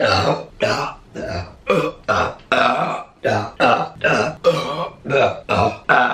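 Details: Burping compilation clip: a rapid series of about a dozen loud, voiced belches in a row, some drawn out.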